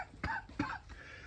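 Two short, harsh cough bursts from an adult in a quiet room, consistent with a lingering post-Covid cough.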